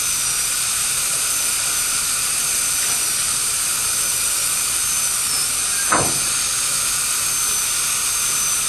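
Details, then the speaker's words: High-speed dental drill with a quarter round bur cuts slowly into the middle of a gold post, giving a steady high-pitched hiss and whine. This is gold post-and-core removal from a bridge abutment tooth with an incomplete endodontic fill and a very short post. "begin to remove gold to the gold post by placing the head of the Burr right in the middle of the post"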